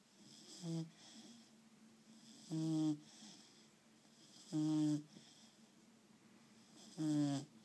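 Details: Tonal, buzzing snores on each breath, about 25 breaths a minute, over a steady low background hum; snoring.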